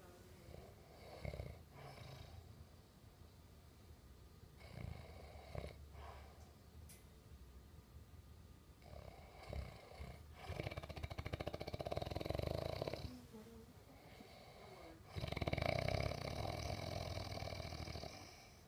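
Rough, rattling snores on three breaths, each a low noisy buzz with quieter gaps between them. Ordinary snoring.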